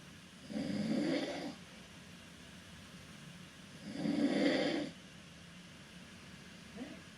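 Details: Adult man snoring while asleep in a cruise ship stateroom: two loud, rough snores about three seconds apart, each about a second long, over steady room hum, faint third sound at end.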